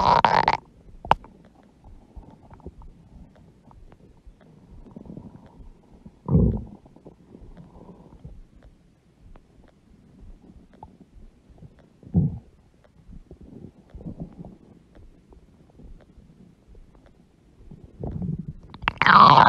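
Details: A mother's huge belly with stomach growling (borborygmi): low gurgling rumbles and bubbling bursts from gas and fluid moving through the gut.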